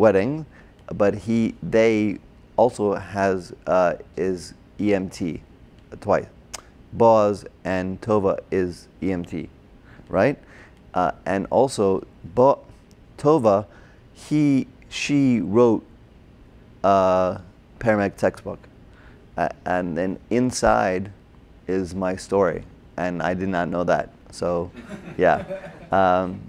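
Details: Adult man with aphasia from a stroke during heart surgery in 2007, about 10 years earlier, treated with OT, PT and speech therapy; difficulty with names, numbers, reading and writing; agrammatic with word-finding errors; Broca's (expressive) aphasia.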